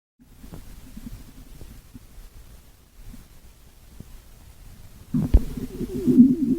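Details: Low gurgling stomach rumbles building into a louder, longer growl near the end; ordinary stomach growling (borborygmi).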